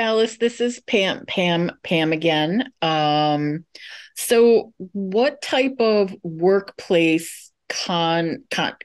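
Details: Adult moderator asking a question in English during a session for people who stutter; part-word and whole-word repetitions are audible; stuttering.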